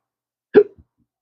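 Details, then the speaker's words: Man with chronic hiccups, speaking about losing his careers and social life: one abrupt voiced hiccup with a brief closing click. "I've retired twice now, and I looked at it as always something for me to do in my retirement years, and now that's taken away. So I can't walk on a set, let alone work on set, hiccuping like this."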